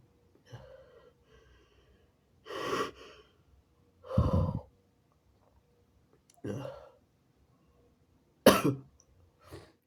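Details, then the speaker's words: Person (he/they) coughing while trying to hold back induced sneezes: five separate coughing bursts a few seconds apart in a quiet room. Later in the recording they blow their nose and find blood. "sorry about the coughing. If you don't like it."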